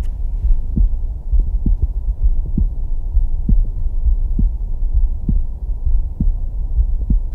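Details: Doctor's own heartbeat, Stemoscope handheld digital stethoscope placed on the chest and heard in real time via app: steady, regular thumps about 66 a minute over a low hum.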